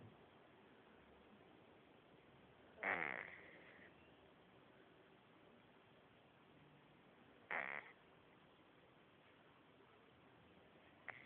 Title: cat sleeping and snoring funny